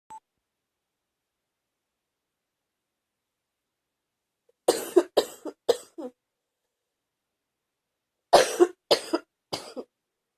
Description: Today was fever-ish... No energy and starting to get a heavy feeling in my chest and the cough is stronger